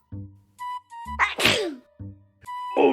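A loud, sharp sneeze burst over playful music in a staged comedy skit; an ordinary sneeze, acted.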